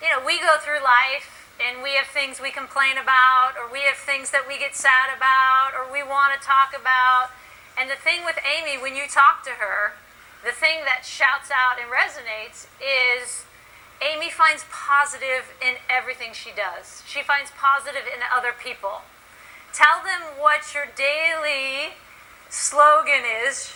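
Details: Adult woman speaking; ordinary speech.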